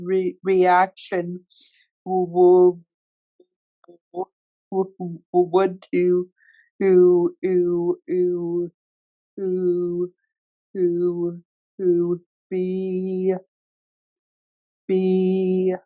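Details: Real recording of an adult man who stutters, moderating a workplace webinar panel of people who stutter; stuttering.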